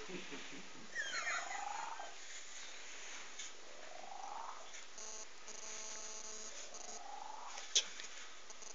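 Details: Sleeping cat snoring softly and rhythmically, with whistling rising breath sounds about every three seconds over faint room noise.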